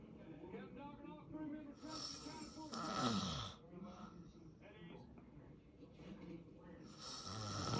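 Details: Snoring of a sleeping adult man (a father): loud, rough snores with throaty croaking sounds on the breaths, with faint talk in the background.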